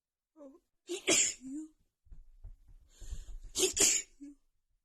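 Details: Female sneezing fit right after visiting a friend's home with cats: two forceful sneezes in quick succession, each with a sharp inhaled build-up and explosive release, after holding back.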